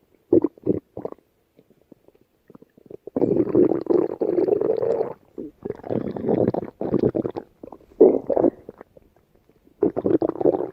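Low, bubbling gurgles and rumbles in irregular bursts with quiet gaps: stomach growling, ordinary gut sounds.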